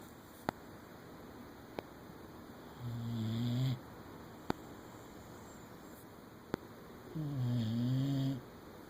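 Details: Boxer and Weimaraner cuddling asleep on a couch: two slow, low rattling snores on inhalation with faint clicks between them, ordinary sleep snoring in dogs.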